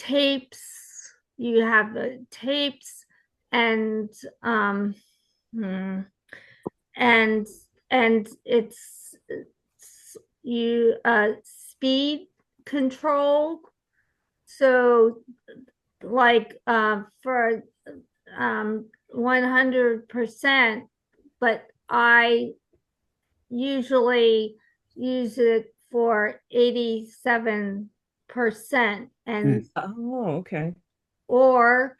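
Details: Aphasia support group participant, likely a woman, speaking with hesitations and word-finding pauses; aphasia.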